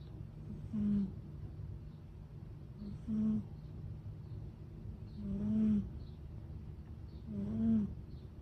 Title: Can a cat snore like humans? #trending #cat #catcare #animals #anime #catlove #trending #viralvideo